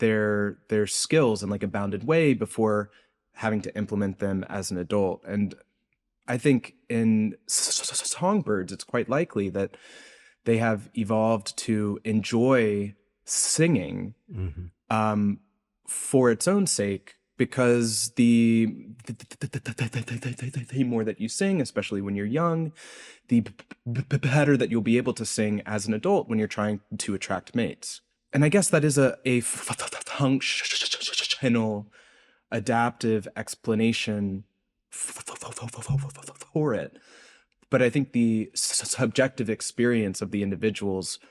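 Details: Adult male postdoctoral researcher who self-reports a speech impediment heard throughout his interview; this stretch has word repetitions; stuttering.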